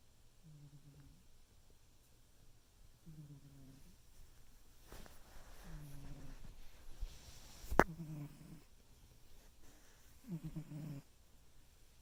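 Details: Pet cat snoring: soft, rhythmic buzzing snores with each breath, about five over twelve seconds, in a quiet room; snoring.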